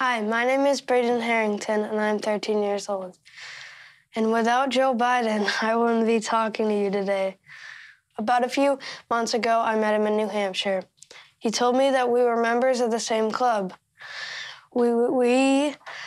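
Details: 13-year-old boy who stutters; stuttering.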